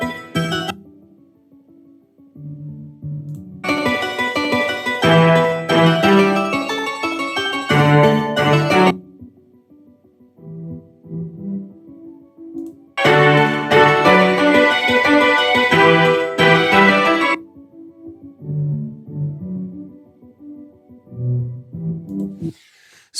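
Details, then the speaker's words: Simulated bilateral moderate-to-profound mid-to-high frequency sensorineural hearing loss, left side first: keyboard music switches between full, bright sound and a muffled version keeping mostly bass and rhythm. "you could see that every time I'm pressing simulate it's just going down to the base of the of the music which is where uh most of the hearing is there within the Basse s"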